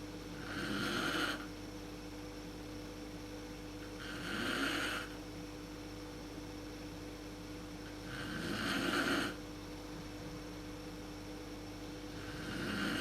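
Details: Mother snoring in the dark, worst at sleep onset, recorded on a PowerShot SX130 IS camera: rough fluttering inspiratory snores about 16 a minute over low room hum.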